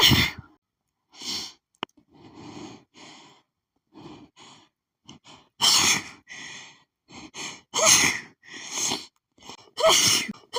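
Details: Allergic sneezing fit set off by perfume, which lately makes her sneeze at nearly every scent, with hitching all day: a rapid run of hitching, gasping in-breaths with sharp sneezes.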